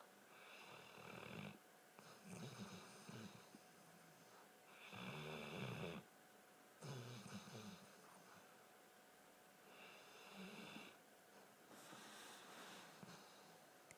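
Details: Rhythmic rattling snores on each breath in, roughly five cycles with quiet breaths out between, over faint room noise; snoring.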